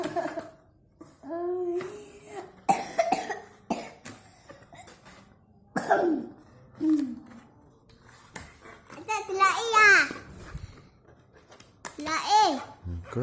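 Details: Young child with a cough: several short coughs mixed with babbling and brief vocal sounds in a quiet room.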